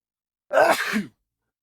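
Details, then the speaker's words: Single abrupt adult male sneeze, a sharp voiced burst with a breathy, hissing release, followed by "excuse me". "sec excuse me now you know what my sneeze sounds like"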